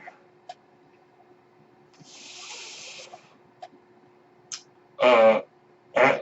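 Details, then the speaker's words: Podcast host's own mechanical ventilator heard while he speaks: steady low hum with one soft airy hiss of delivered breath, a few faint clicks, then brief voiced sounds. "hello everyone my name is mark that noise you're curious by ventilator and welcome welcome back I should say to page-turners they were not my Star Wars plot"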